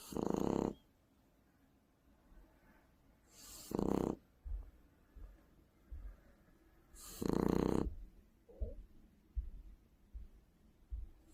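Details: 3-month-old Shar Pei puppy sleeping: three rasping snores roughly every three and a half seconds, with soft snuffling breaths between; snoring.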